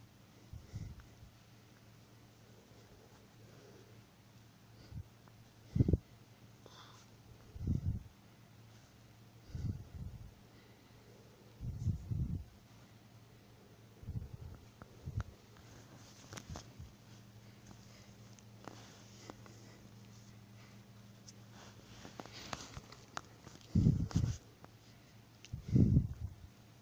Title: snoring bogoos 😍